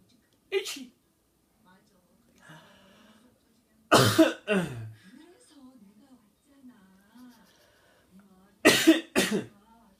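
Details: Adult father's cough, which his young child says sounds strange: several harsh cough bursts, some in quick pairs, with the child's voice between them.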